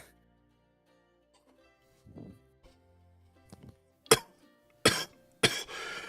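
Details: Three short, sharp deliberate coughs over quiet background music, given as a voluntary start signal during a multiplayer game stream; a voluntary cough, not a symptom.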